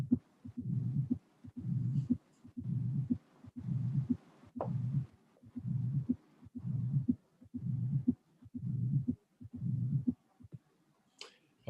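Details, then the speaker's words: Mitral stenosis, heart sound recording with phonocardiogram used as a teaching quiz in an auscultation course; quiet, low-pitched heartbeat at about 60 a minute with a first sound, a second sound, an opening snap and a soft, low-frequency diastolic rumbling murmur. "so the this is the the phoc cardiogram and as you can see we have a a first sound a second sound an opening snap dioic murmur so this is mitro stenosis"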